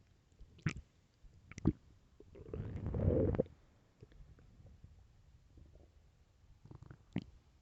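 Scattered gurgles and pops with one long, loud rumbling growl in the middle: ordinary stomach growling.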